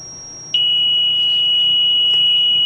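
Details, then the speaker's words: Zoll M Series biphasic defibrillator in synchronized mode charging to 50 joules during a semiannual inspection test: a high pitch jumps to a steady loud continuous tone before the shock, which is synchronized to the R-wave. "we're going to charge it and then when we get a shock advis we're going to push the shock and it will not Shock until it comes in contact or the same time with the rwa"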